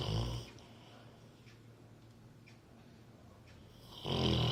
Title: ऐसे खर्राटे कभी सुने हैं आपने : Very Funny Labrador Snoring